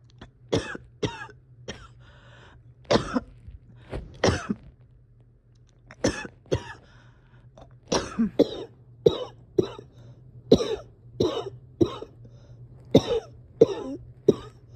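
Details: Person having breathing struggles and a hard time resting or getting comfortable: about twenty harsh coughs, some in quick runs with throat clearing and strained breathing between them.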